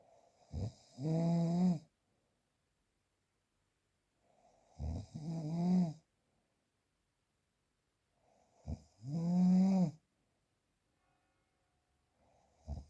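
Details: Real, unprocessed recording of loud, rumbling snores with each breath in, about 15 a minute, separated by quiet pauses; snoring.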